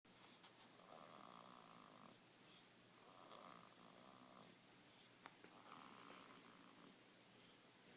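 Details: Child asleep in a car seat: about three soft, buzzing snores over a steady background hiss; light snoring.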